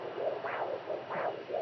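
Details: Fetal heartbeat picked up at home with a handheld fetal Doppler: rapid, rhythmic whooshing pulses over a steady hum, described as fast and fluctuating low to high.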